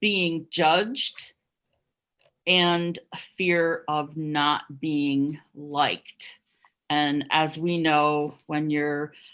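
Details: Adult who stuttered covertly for over 30 years, heard with repetitions of words and syllables; stuttering.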